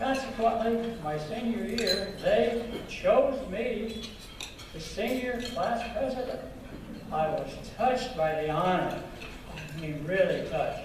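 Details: Adult man with stuttering present since at least third grade.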